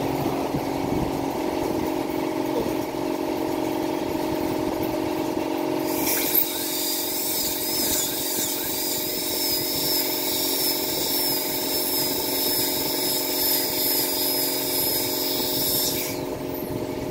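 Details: Steady room hum, then about ten seconds of a high-pitched dental drill whine during root canal treatment with a first-time filling of an infected tooth.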